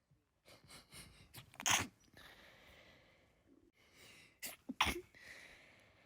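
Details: Repeated sneezing after being outside all day: quiet breathy build-ups, then two bursts of sharp sneezes in a quiet room.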